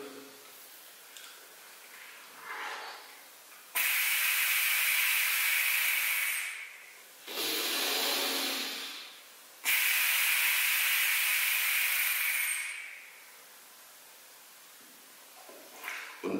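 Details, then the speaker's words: Long, loud hissing airflow in and out through an Ultrabreathe respiratory muscle trainer set to low resistance, each breath lasting several seconds, shown as inspiratory and expiratory muscle training for wind and trumpet players. "hier der Ultra Breeze hier kann man die Einatmung Muskeln und die Ausatmen Muskeln trainieren und man kann auch einstellen wie hoch der Gegendruck ist immer den man ausatmet jetzt ist leichter angestellt"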